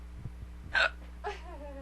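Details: A single sharp hiccup burst then a brief voiced sound over a low hum; a woman with hiccups, her third bout tonight, after getting no sleep.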